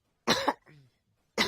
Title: Cough Cough